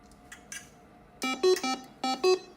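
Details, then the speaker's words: Dialysis machine arterial-side bubble alarm: a quiet room, then a repeating pattern of short electronic tones at two alternating pitches. "The other issue that you can have on the arterial side is a bubble alarm. That can happen, and you have to go through a series of steps."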